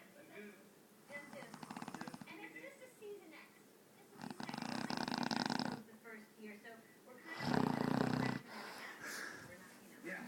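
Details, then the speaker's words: Synthesized 8-bit, game-style imitation of snoring, not real: repeated noisy electronic snore bursts with tonal blips between them. "Okay, so this guy is stupid, snores. So I figure everybody in the world should hear it."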